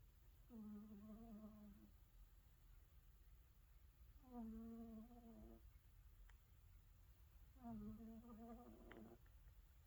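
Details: Snoring from a sleeping cat.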